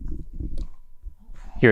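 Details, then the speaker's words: Low, bubbling gurgling rumbles recorded with a mic held to an adoptable dog's belly right after he drank a lot of water: ordinary bowel sounds (stomach gurgling). "Was that his belly?"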